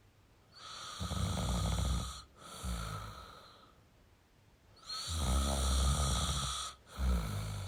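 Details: Male snoring: two slow, loud, rattling breaths with a harsh snore on each; typical snoring.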